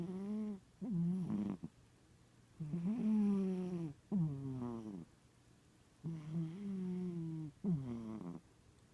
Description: Yes my cat snores louder than humans !